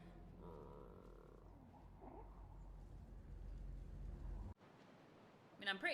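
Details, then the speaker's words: Loud stomach rumbling (borborygmi) from a person who says they are starving and hungry while sitting playing a game: stomach growling. "okay my stomach is rumbling so much right now all I can hear is"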